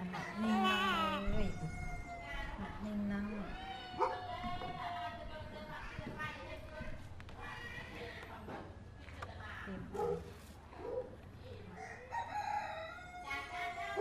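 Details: Loud, rhythmic, high-pitched crying of a hungry baby waiting to be breastfed, in repeated wails with short breaths between, over background adult voices.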